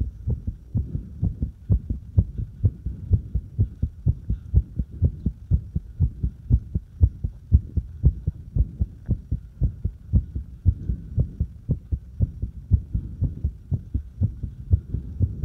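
Rapid thudding heartbeat near 120 a minute, with slightly uneven spacing and strength, fitting a fast irregular heart rhythm.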